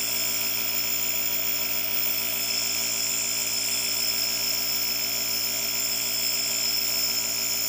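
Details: Nebulizer compressor delivering prescribed medication through a face mask: a steady, loud mechanical buzz and whine.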